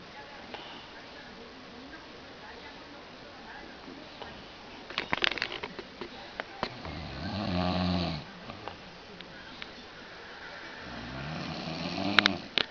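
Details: Person snoring: two rough, rumbling snores on inhalation, with rustling and clicking background noise.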